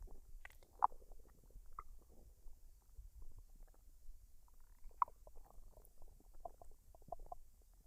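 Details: Woman's belly after a meal of fried rice and duck, recorded unedited with no added sounds: soft gurgles, pops and rumbles; normal digestive bowel sounds (borborygmi).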